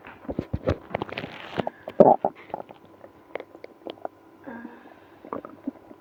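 Irregular gurgles, squeaks and rumbling growls of an active gut, frequent and prolonged in places.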